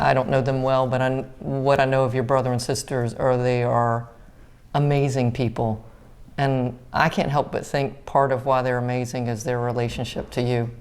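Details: Adult speaker in conversation; ordinary fluent speech.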